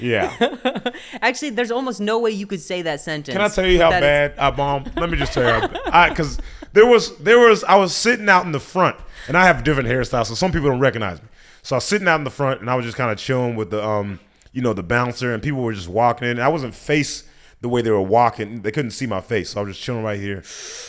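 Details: Adult male speaker; normal conversational speech.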